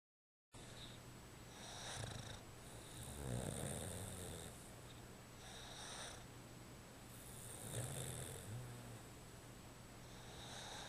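Soft, rhythmic rasping breaths with a low rattle and faint whistling on each breath: snoring in a sleeping pet.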